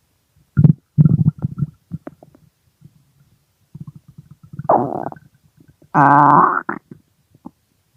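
Loud gurgling and bubbling bowel sounds, ending in a long, drawn-out groaning rumble; ordinary hunger growling of the stomach.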